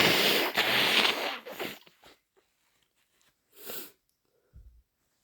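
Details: Person with a head cold: a loud, wet, explosive sneeze, then quieter sniffs and a short nasal blow; sneezing.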